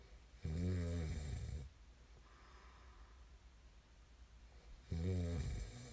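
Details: Sleep snoring: deep, buzzing snores on inhalation about three seconds apart, separated by quiet breathing; snoring.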